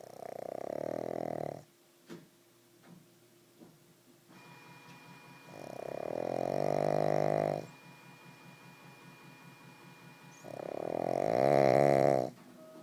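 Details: Sleeping pug wearing a cone after a major operation: three loud, rumbling snores on the in-breaths, roughly five seconds apart, with quieter breathing between; snoring.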